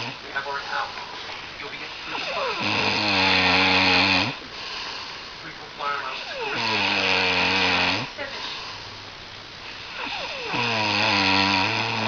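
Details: Loud buzzing snores on each in-breath, about 16 a minute, with hissing between, from a sleeping person who keeps the recorder awake again; snoring.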